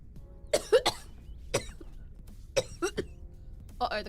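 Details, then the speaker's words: Adult streamer who had just blown her nose and had felt fine so far: coughing starts during a livestream; cough. "I don't know why I start out of coughing considering I have felt pretty good so far."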